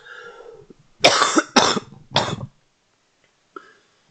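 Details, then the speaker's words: Adult recovering from a recent illness with a still-sore throat and crackly voice gives three harsh, loud cough bursts in quick succession, with quiet room noise before and a faint breath after. "Okay, I literally am better from my whatever sickness I caught. But gosh, my throat is still killing me."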